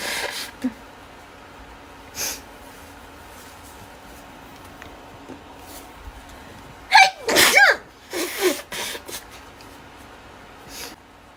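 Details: Adult female: several sharp, explosive sneezes and bursts of nose-blowing over a quiet room background; ordinary sneezing.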